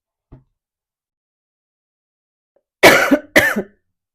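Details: Adult woman coughing fit interrupting a card reading: two loud, harsh throat-clearing coughs after a brief faint sound and silence.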